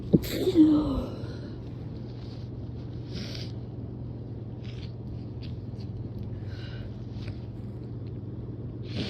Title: Late night sleepy sneezes